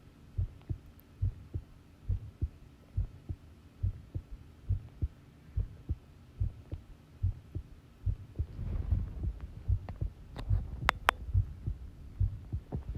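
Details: Long self-recorded heartbeat while listening to one's own pounding heart: steady, strong paired low thumps at about 70 beats a minute, with some rustling partway; normal heart sounds.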